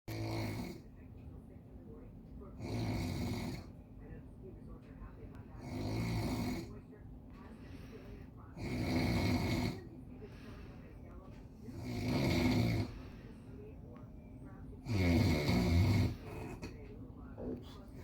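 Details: Loud snoring in a sleeper with a large belly: six rattling snores on breathing in, about 19 a minute, with soft room noise between; ordinary snoring.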